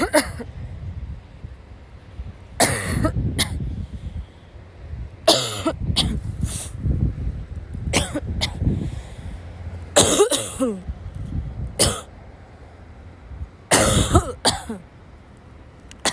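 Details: Sick girl, ill since waking, has a violent coughing fit in class that forces her to leave. Repeated harsh cough bursts in clusters with gasping breaths between, over faint room noise. Tagged dry, barking cough and wheezing.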